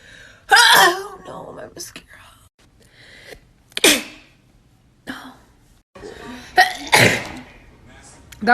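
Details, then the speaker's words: Three loud sharp sneezes with quick inhaled gasps before them, some laughter and talk between; ordinary sneezing. "I'm gonna try to sneeze with my eyes open. Okay, that was weird, and I kind of want to do it again. Sorry, I sneezed a little there."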